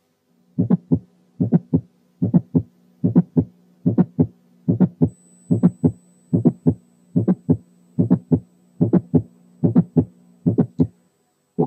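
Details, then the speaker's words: Isolated mid-systolic click, as in mitral valve prolapse (click-murmur syndrome): regular heartbeat near 73 a minute with a sharp extra click between the first and second sounds. "في حالات الماترال برولابس الليت سيستوليك مامر كتير ما بتكون مبتدئيه بميد سيستوليك كليك اللي احنا سمعناها قبل كده، والاثنين سوا بيسموهم كليك مامر سيندروم. هنسمع دلوقتي تاني الميد سيستوليك كليك لوحدها."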